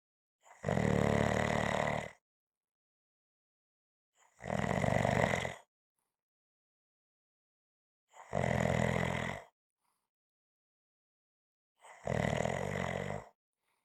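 Loud, rough snores about every four seconds, roughly 15 a minute, with silent gaps between them: heavy snoring.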